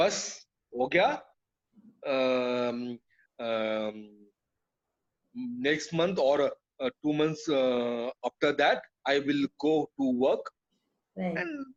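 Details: Adult man with aphasia after a brain haemorrhage (burst) stroke hitting his speech centre; told he would never speak again; relearned speech through years of speech therapy; still hesitates and cannot always finish sentences; aphasia after stroke.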